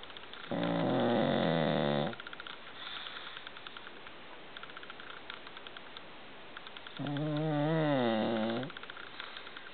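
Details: Snoring during sleep: two long, rough, rumbling breaths about five seconds apart, with light room noise between them.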